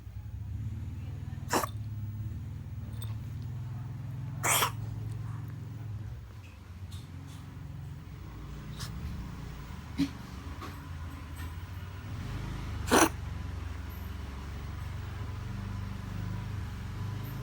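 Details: Cat coughing: a few brief, sharp cough bursts scattered over steady low background hum.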